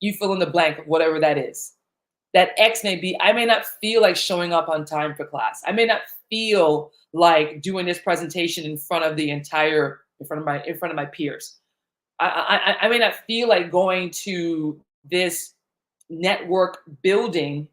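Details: Adult man who stutters; the stutter developed in childhood around age eight during a time of intense fear, after which he stopped speaking in public.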